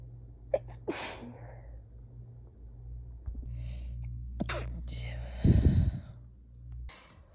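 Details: Person's sneeze recorded before an illness: quick breath intakes building up to a sneeze, with breathy sounds and low background hum; a normal sneeze.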